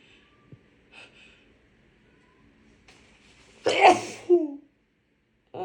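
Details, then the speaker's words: A woman with a bad head cold: quiet breathy build-up, then one sharp explosive sneeze ending in a brief voiced cry; a single sneeze. "Oh, excuse me. I think I have to sneeze."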